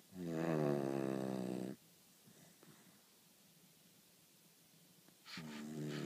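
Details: Sleeping dog snoring: a loud, buzzing snore on an in-breath, then quiet breathing before the next snore begins.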